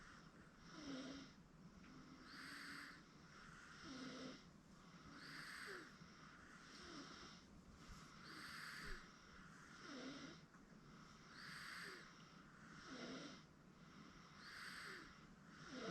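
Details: 8-month-old girl asleep on a futon: soft, regular snoring about 20 breaths a minute, with a faint steady background hum; infant snoring.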